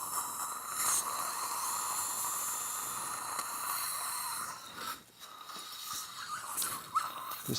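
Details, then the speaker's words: Dental implant drill (2.2 mm, 8.5 mm depth), steady high-pitched whine with suction hiss and faint room noise, during live upper full-mouth implant surgery with GBR, upper left side. "okay next step drill two point two eight point five can I get a check out a little bit I be open please"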